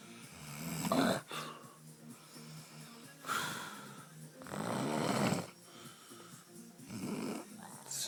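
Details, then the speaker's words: Adult man asleep, out cold the morning after a night out, irregular rough snorting breaths of uneven length, about 15 a minute, background music; friend says it sounds like he'll stop breathing; loud irregular snoring. "honestly been trying to wake this cunt up so fucking long. It's not stop snoring, man. It's doing it weird as."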